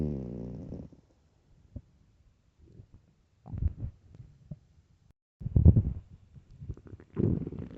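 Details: Low gurgling rumbles in irregular bursts with quiet gaps: loud stomach growling from an extremely hungry, empty stomach, a normal digestive sound.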